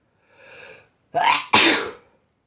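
A soft indrawn breath followed by two sharp, explosive bursts in quick succession; a double sneeze.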